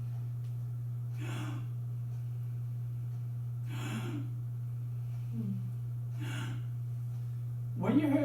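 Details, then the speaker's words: Imitated agonal breathing of cardiac arrest, louder than in real life, in which the person is not actually taking in air: four short, harsh gasps separated by silent pauses, over a steady electrical hum. "The video also mentioned agonal breathing. And agonal breathing sounds like this."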